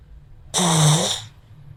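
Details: Sleeping pug, usually quiet, gives a single loud, harsh, rattling snore under a second long, rising abruptly from near silence; snoring.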